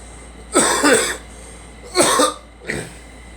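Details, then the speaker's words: Woman with a cold coughing in a moving car: three harsh, dry coughs over steady road noise. "It's the Cold is kicking my ass today."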